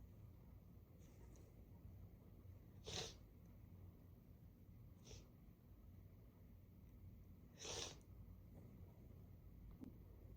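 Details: Two soft, muffled sneezes a few seconds apart, with fainter nasal snorts between, from a congested person after chhinkni was put in the blocked right nostril and sniffed from the bottle; sneezing.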